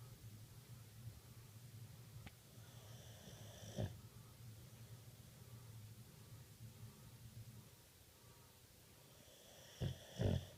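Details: Snoring sounds.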